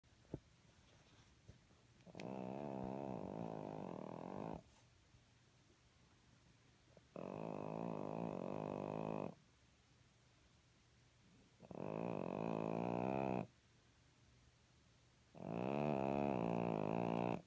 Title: Snoring Kitty Kat